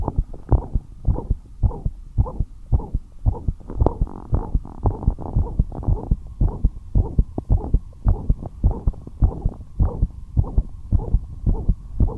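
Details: Heart murmur heard as a fast, regular heartbeat near 109 a minute with a rushing sound filling the gaps between beats; the patient was resting quietly but the heart rate still became fast.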